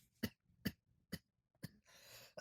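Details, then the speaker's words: Adult who inhaled tea: four short, sharp coughs clearing liquid breathed into the airway; cough after aspiration. "Did you inhale that tea? I did. That's why I was coughing."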